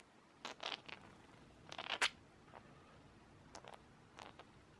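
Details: Several tiny, sharp, hissing sneezes from a frizzled budgerigar with a long-standing nasal condition, still not improving despite veterinary visits; recorded June 2017 in quiet surroundings.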